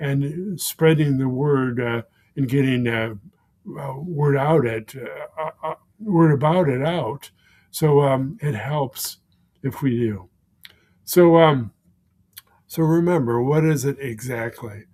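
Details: Man with aphasia following a stroke, present for more than 16 years; aphasia.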